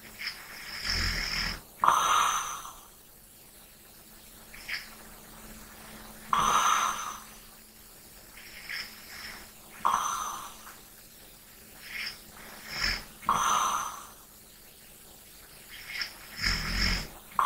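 Irregular soft snorts and wheezy breaths with whistly snoring sounds and quiet gaps; light snoring.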